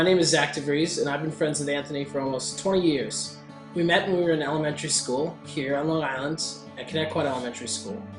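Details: Adult man; Normal speech.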